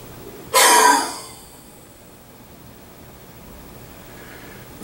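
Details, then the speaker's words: Spirometry demonstration on an EasyOne Air spirometer: after a full inhalation and breath-hold, one sharp, forceful blast of breath trailing off over about a second as all air is expired. Forced expiration manoeuvre. "once you're ready you blast as hard as you can and you keep going until all your air is expires so it looks something like this"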